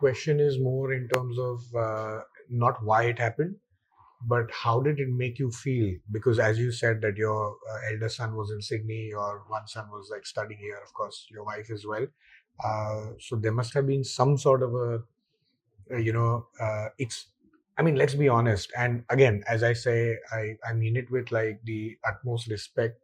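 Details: Adult man speaking; ordinary speech.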